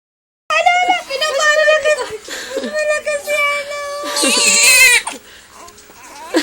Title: Twin babies crying.